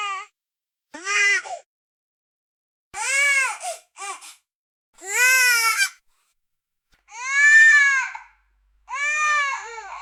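Short shrill newborn cries and wails separated by silence, from a sound-effect recording.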